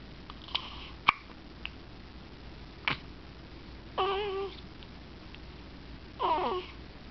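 Short, sharp hiccup clicks come every second or so. Brief babbling or whimpering sounds follow, over steady room noise.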